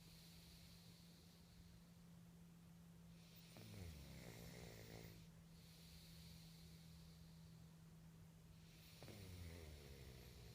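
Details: Snoring recorded in 2014: two long, low rattling snores on breathing in, with a steady background hum.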